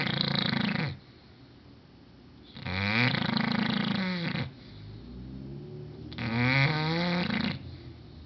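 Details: English bulldog snoring very loudly while asleep.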